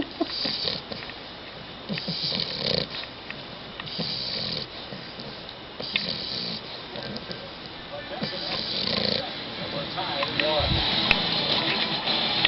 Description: While watching the baseball game with my new bulldog puppy Marley, he decided he wasn't interested anymore in the game. And after hearing him snore, neither was I!